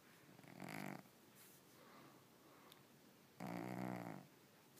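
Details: Cat Moo Moo snoring while asleep, then woken and unhappy about it: two soft, raspy snores on in-breaths a few seconds apart in a quiet room; harmless snoring.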